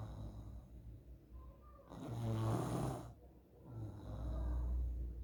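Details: Child snoring in sleep, low rumbling snores about two breaths per cycle; presented as a possible symptom of nasal polyps.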